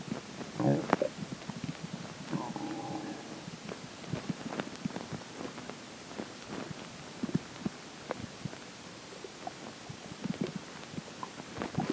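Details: Digestion stomach growls at the point where water and air start taking major effect: low gurgling and bubbling rumbles with scattered squelches and pops, ordinary stomach growling (borborygmi).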